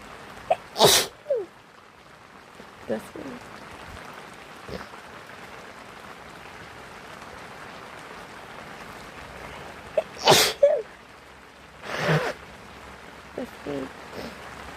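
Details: About three sharp, explosive adult sneezes with small sniffs between them over steady rain; the person is sick and sniffly, possibly allergies.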